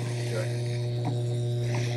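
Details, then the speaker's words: Steady, low electrical buzzing hum from a dental model vibrator on its lowest setting while pouring a vacuum-mixed stone model. "turn on your little machine and you don't want it real high do you want a low vibration the lowest one you have"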